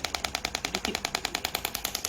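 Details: Rapid regular clicking, about ten pulses a second, from a radial extracorporeal shockwave applicator squeezed over gel on the demonstrator's own arm, showing a technique prone to causing bruising; radial shockwave therapy device firing.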